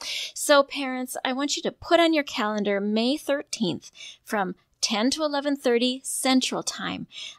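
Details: Adult woman speaking; typical speech.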